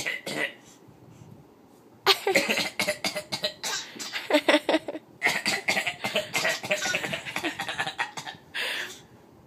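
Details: Young child and her father trading playful deliberate coughs at each other, mixed with laughter and voices; voluntary cough.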